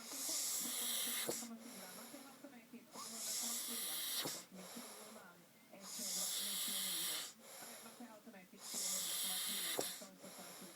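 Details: Person snoring heavily in sleep: loud, harsh, rattling breaths recurring about 21 times a minute, with quieter gaps between them.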